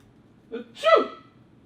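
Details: Blooper-reel sneeze from a person who is a little ill but not contagious: a short drawn-in breath, then a single voiced explosive burst; one sneeze.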